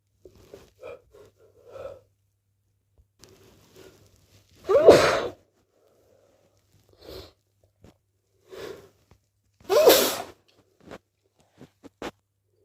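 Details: Sneezing, possibly from hay fever: soft catching breaths and teasing false starts, then two forceful, wet, messy sneezes with small sniffs between.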